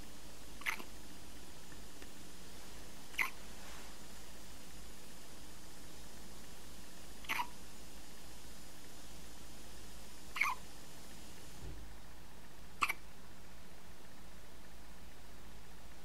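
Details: One-week-old baby boy with hiccups: five brief, sharp hiccups at uneven intervals in a quiet room.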